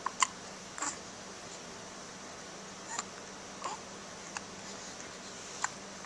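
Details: Identical twins hiccuping at the same time, recorded in 2010 with a Flip Video camcorder: several short, sharp hiccup catches, about eight in six seconds, irregularly spaced over quiet room noise; hiccups.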